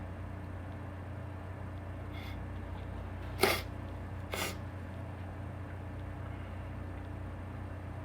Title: Pepper Sneezes (m)